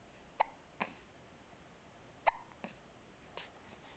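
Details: Hiccups: repeated brief, sharp hiccup sounds, about six in four seconds at an uneven pace, in a quiet room.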